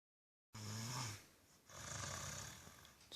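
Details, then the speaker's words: Snoring in a sleeping 3-year-old boy, said to run in the family from his father: two harsh, rattling breaths, one in and one out, with a low vibrating tone. "kakak ngorok. Turunan dari ayahnya. Serius ini kakak yang ngorok karena di sini nggak ada siapa-siapa lagi selain kakak."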